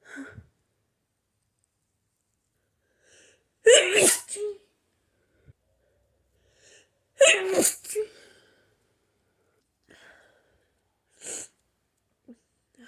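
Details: Two forceful, explosive hay fever sneezes, each preceded by a sharp in-breath, plus softer breath sounds; violent sneezing.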